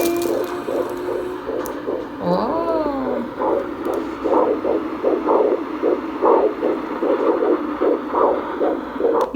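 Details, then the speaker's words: Rapid, regular whooshing pulses of a fetal heartbeat heard with a handheld Doppler at the end of a routine prenatal appointment, with a brief voice sound over it. "so they said like don't worry like we'll listen to the heartbeat with a Doppler at the end of your appointment"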